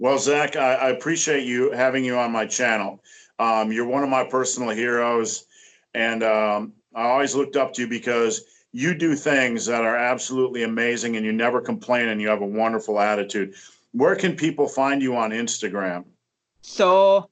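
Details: Adult man speaking; normal speech.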